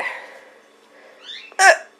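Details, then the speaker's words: Mother with hiccups while her young child laughs: a fading child's vocal sound followed by one abrupt, loud, voiced adult hiccup; hiccups. "hi mommy has hiccups and thinks it's the funniest thing to listen to Mommy's hiccups"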